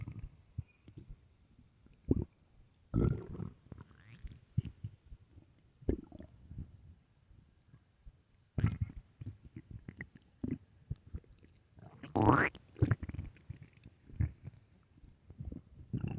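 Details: Late-night stomach growling (borborygmi): irregular gurgles, rumbles and a rising squeal from the belly.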